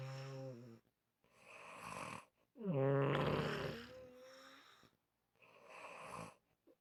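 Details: Repeated rough snoring breaths, one with a loud, droning, tonal rattle, separated by brief pauses; unusual-sounding snoring.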